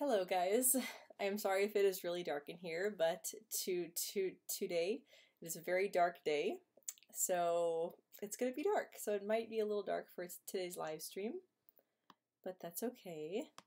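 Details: Female host who stutters; stuttering.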